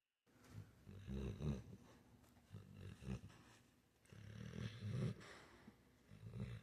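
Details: Quiet low rumbling breaths with faint growly snorts from a sleeping, twitching dog; snoring.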